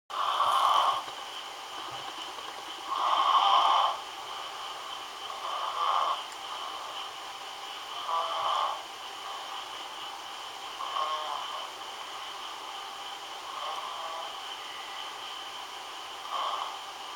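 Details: Snoring recorded in 2011: rhythmic snoring breaths at about 22 a minute, fading gradually over a steady background hiss.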